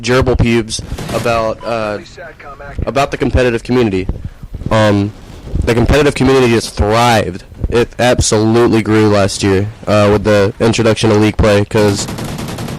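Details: Adult male with self-described atypical Tourette syndrome, not on his medication for this recording, blurting odd phrases during commentary; finding: vocal tics (Tourette syndrome).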